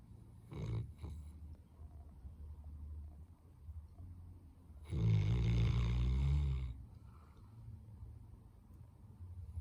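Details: Snoring in a sleeping Labrador dog: low rumbling snore with a loud drawn-out snorting breath over steady room noise.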